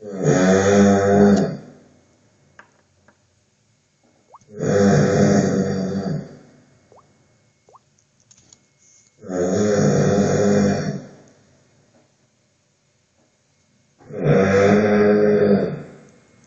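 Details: Recorded during sleep with the Snorek sleep monitor: loud, deep, buzzing snores on each breath, about 13 per minute, with quiet pauses between them. Heavy snoring during sleep.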